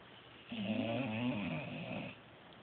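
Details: Sleeping dog snoring: a single drawn-out, low, fluttering snore lasting under two seconds.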